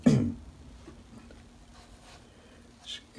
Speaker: my voice i'm a little hoarse this morning